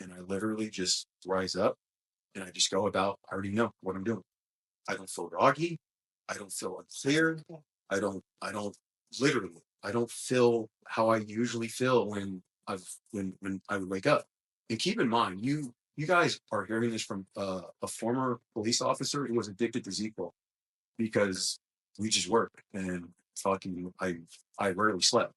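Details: Adult male who describes his own small speech impediment, a stutter, which he links to his mind always moving fast since childhood. Stuttering.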